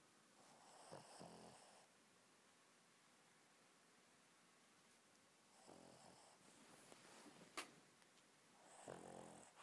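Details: Chubby Shih Tzu dog snoring oddly: three snoring breaths with a rattling, snorting sound on each and quiet pauses between.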